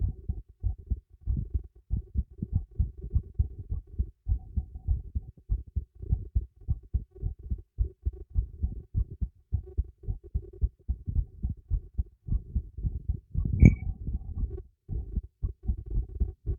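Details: Own heartbeat recorded with a new microphone secured beneath a teacup: steady, fairly quick regular lub-dub with a brief clink partway through; normal heartbeat.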